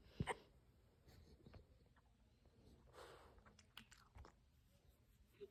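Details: A dog's hiccups: brief, soft gulping clicks recurring about every second in a quiet room, one louder at the start.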